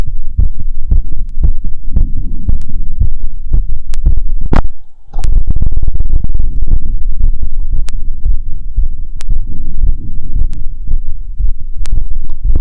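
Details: Stethoscope heart sounds after a 2 km run, auscultated at pulmonic, aortic, Erb's and other sites: rapid, regular, strong thumps with a brief pause while repositioned, a normal quickened heartbeat.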